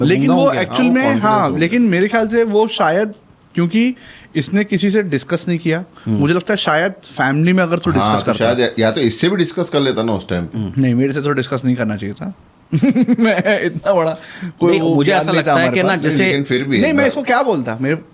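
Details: Adult man speaking; normal speech.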